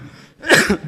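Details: Someone coughing continuously, with another person reacting.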